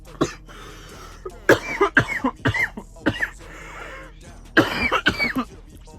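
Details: After a long inhalation (blinker) from a vape pen: repeated harsh, wet coughing bursts with throat clearing; irritant cough.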